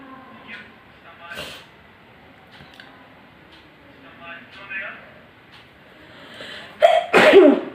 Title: Sneezing challenge